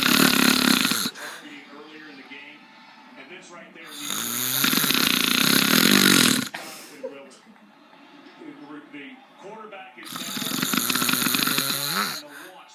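Loud, harsh rattling snores on each breath in, with quieter breathing out between them, about every four to five seconds.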